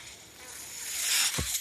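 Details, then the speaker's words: Ventilator audible as the user closes his Star Wars podcast, saying the noise heard is his ventilator; a soft airy hiss builds over about a second, ending in a low valve thump. One mechanical ventilator breathing cycle. "My name is. The noise you heard is my ventilator. Thank you for tuning in."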